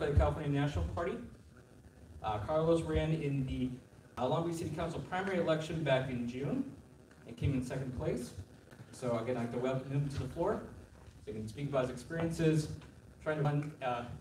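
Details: Adult man; typical speech.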